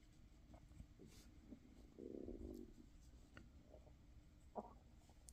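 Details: Bowel sounds (borborygmi): a person's tummy rumbling, grumbling and gurgling after a small snack, heard while they talk during a crochet tutorial.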